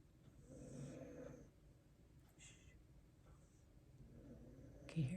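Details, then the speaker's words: Soft, low rumbling snores from sleeping pet dogs, about two noisy breaths in a few seconds over faint room noise: ordinary snoring. "snoring it makes me sleepy look how cute they are look at them i love my doggies"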